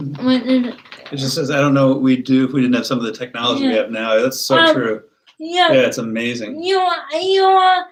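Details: Adult male speaker, with a second higher-pitched voice replying; typical speech.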